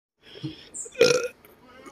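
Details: Belching with acid reflux: a single loud, rough belch after a few soft throat sounds.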